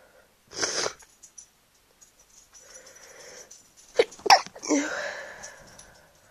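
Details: Sneezing while sick with a cold: two explosive sneezes a few seconds apart, each a sharp burst of air after a brief breath in; the person thinks the sneezes sound different when sick.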